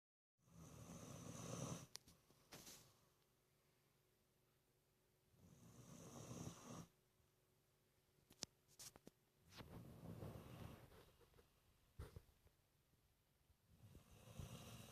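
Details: 19-year-old dog Benji sleeping with eyes wide open: rough, rattling snores roughly every four seconds with quiet gaps between; loud snoring.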